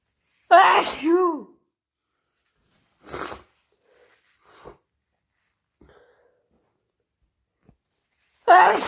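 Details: Induced sneezes: two loud, forceful voiced sneezes with quieter nose-blowing sounds between them, in a quiet room, within a long series of repeated sneezes.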